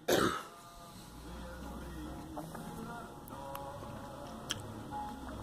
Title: Girl coughing